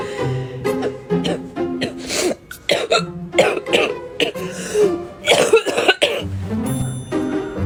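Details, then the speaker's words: Young woman with bronchitis on day three of antibiotics, steroids and an inhaler, still not improving: a rapid run of harsh wet productive coughs with throat clearing, over background music. "Oh my god, guys. I think that was one of the worst ones yet."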